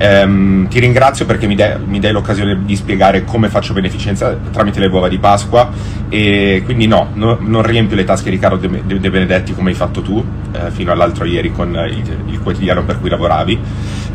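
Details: Stuttering in a man who apologizes for it, saying it has been a problem for some time and it takes him a while to form a sentence; narrator suggests nervousness may have caused it.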